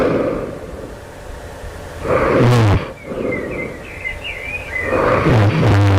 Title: loud snoring right before awakening, this night. do it sounds like i developing sleep apnea?